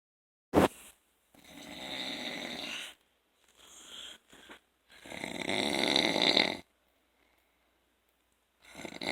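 Rough, noisy snoring sounds from a sleeping adult, coming in bursts separated by quiet pauses.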